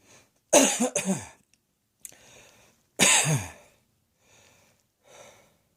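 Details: Coughing: a quick run of three harsh coughs, then one more forceful single cough, with quiet breaths between.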